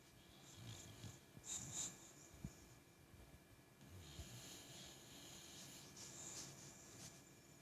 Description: My boxer dog is snoring and dreaming. Maybe chasing something?